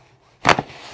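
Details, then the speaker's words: One short, sharp crack in a quiet room during a gentle chiropractic adjustment of the very top of the neck, the patient lying with head on the table, a tender spot noted; joint cavitation. "okay okay i got you there you go wow how'd that feel like a release of tension for sure"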